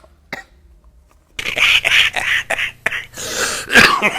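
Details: An adult's own dry cough: a run of short, harsh coughs with no wet rattle, used to contrast with a productive cough.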